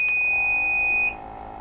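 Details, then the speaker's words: CAIRE FreeStyle wearable pulse-flow portable oxygen concentrator switched on by pressing its prescribed flow-setting button 3; a single steady high-pitched electronic beep of about a second as it powers on, a normal start-up signal. "as soon as I do that the device will turn on and the light above the number three will illuminate to let you know that's the setting that you're running on"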